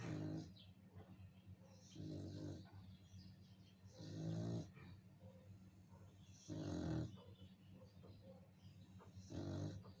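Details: Dog snoring: low, rough snorts recurring every two to three seconds against a steady hum.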